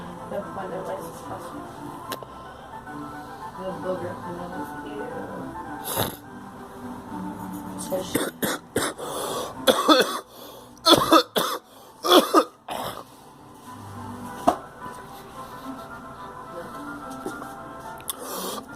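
A burst of several rough coughs over background music and voices.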